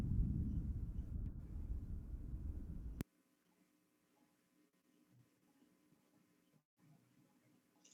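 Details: Normal vesicular (alveolar) breath sound on chest auscultation; vesicular breath sound.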